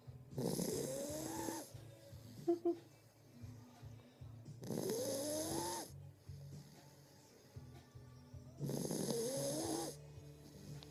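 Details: Female German shepherd/Rottweiler mix puppy (suspected), just over 2 months old, stray from shelter, asleep in owner's arms: three long, rough, rising snoring breaths about four seconds apart, roughly 15 a minute. Snoring.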